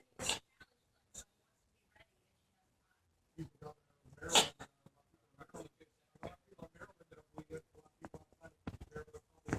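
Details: Animal coughing: a few sharp forceful coughing bursts followed by a run of short snorting, huffing sounds.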